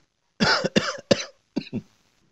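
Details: Cough in an Indonesian comedy skit about coughing and sneezing etiquette: five short, harsh coughs in two groups, three then two.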